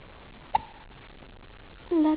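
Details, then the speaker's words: Hiccups in a baby, who gets them repeatedly: a single short, sharp hiccup in a quiet room, then a brief voiced sound. "good morning good morning he got the hiccups again you are a hiccupy little thing"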